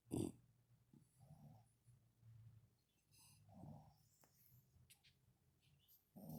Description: My two dogs sleeping on my lap, snoring away.